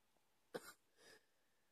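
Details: Cough after waking in the middle of the night, about 2 AM: one sharp, harsh cough followed by a softer exhaled burst in a quiet room.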